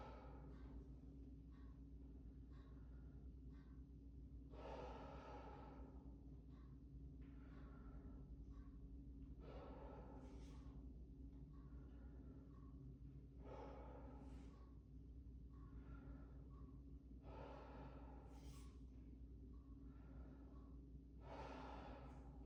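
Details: Adult male lying back during a student nurse practitioner respiratory exam, taking slow, deep open-mouth breaths about every four seconds as the stethoscope moves over the front of the chest, over a low room hum.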